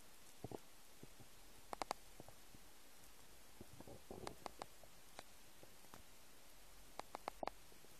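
Quiet scattered gurgles and squeaks from an empty stomach, ordinary bowel sounds of hunger.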